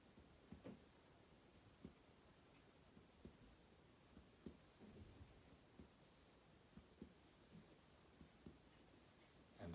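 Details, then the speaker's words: Soft, low, hollow taps from percussing an adult's chest over lung fields with clear breath sounds during a thorax and lung exam; a normal resonant percussion note. "and then finally we're going to percuss again listening for that resonant sound that very hollow sound"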